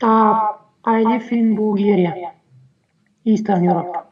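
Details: Adult male with puberphonia, a very high-pitched feminine or childish voice persisting after puberty, recorded before speech therapy; puberphonia.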